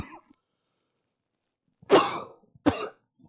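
Two short, harsh bursts a moment apart in a quiet room: an adult coughing, with a throat-clearing quality to the sounds.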